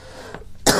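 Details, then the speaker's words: A single short, forceful cough from an adult recently recovering from a cough, preceded by quiet room noise; a brief isolated cough. "Ini sebenarnya aku baru sembuh sih guys, batuk."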